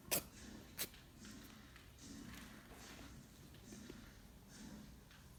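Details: Rabbit sneezing heavily, owner thinks water got into its nose: two sharp, brief sneezes followed by soft snuffling breaths; sneezing.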